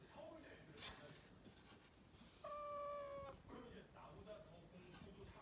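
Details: Cat gives brief forceful hacking bursts around a strained, drawn-out vocal sound, coughing then choking as if something went down the wrong way; cat coughing and choking.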